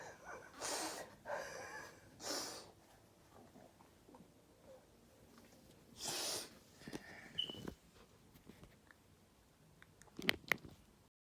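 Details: Several short, sharp, hissing nasal bursts with quiet gaps between, fitting repeated sneezes or snorts.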